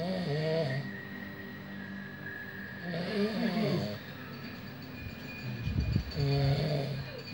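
Loud, rattling snores about every three seconds, roughly 20 a minute, with a steady background hum; ordinary heavy snoring.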